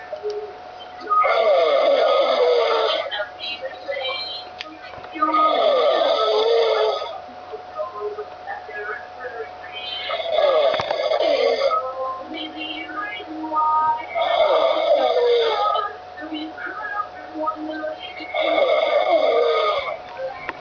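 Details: Man who fell asleep on webcam, snoring: loud rattling snores about 15 times a minute, with steady room hum between them.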